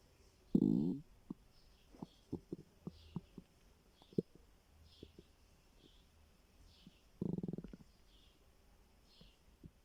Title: My stomach growling 😂